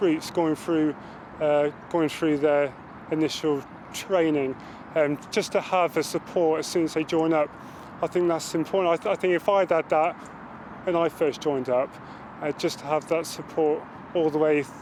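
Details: Stammering in a male British Armed Forces serviceman who stammers.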